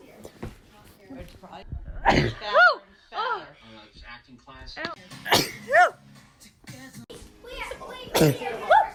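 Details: Sneezing compilation, recorded April 2017 to January 2019: three sharp, forceful sneezes, some with a squeaky voiced note, separated by quieter breathing and room noise.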